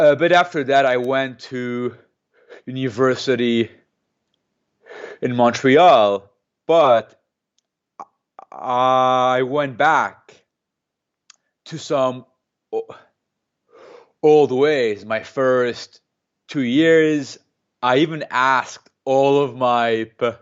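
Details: Stuttering in an adult man who has stuttered since age 2–3, speaking in a real interview; he uses a McGuire programme breathing technique to control his stutter.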